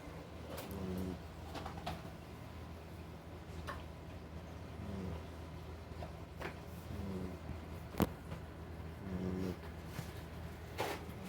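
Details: A sleeping puppy gives soft, low, purring snores about every two seconds over quiet room noise, recorded until she woke up.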